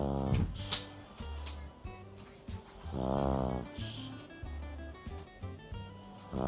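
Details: A sleeping pug snores loudly, with rattling snores about one every three seconds over background music; owner asks whether dogs can have sleep apnea.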